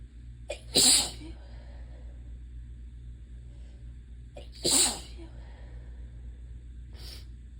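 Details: Relentless hay fever sneezes, definitely allergies with no fever per the sneezer, who has lost their voice: two forceful sneezes each with a quick in-breath, then a softer third burst.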